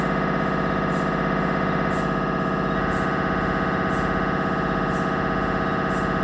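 Loud, steady, rapid mechanical buzzing and knocking with a regular repeating pattern; MRI scanner gradient noise during imaging.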